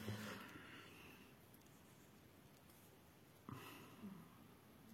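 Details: Two low, rumbling snorts about three and a half seconds apart against quiet room noise: snoring from Bounty, a sleeping pet.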